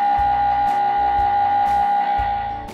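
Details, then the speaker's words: Loud steady tone with rhythmic low knocking pulses about twice a second, the typical noise of an MRI scanner during a scan, played in a child-oriented patient information film. "person with me can sit right next to the scanner and read a magazine the scanner makes a bit of a noise and sounds a bit like this"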